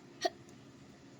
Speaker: hi guys today stupid hiccups let's try to make me not have the hiccups and then my youtube video will be way better